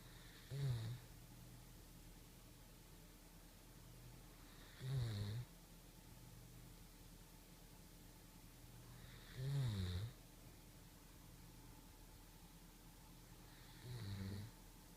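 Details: Senior 9-year-old German shepherd dog napping on a couch with a pillow: low rumbling snores about every 4.5 seconds, roughly 13 breaths a minute, with steady room hum between; snoring.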